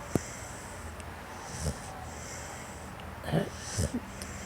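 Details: Low rough snorts and nasal breathing noises, a few in a few seconds, over steady room noise; snoring from Gunner, a dog sleeping in the morning and not wanting to wake up.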